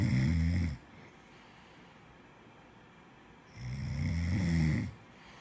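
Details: Two loud, low, rattling snores from a sleeping person, separated by a quiet pause of about three seconds; ordinary snoring.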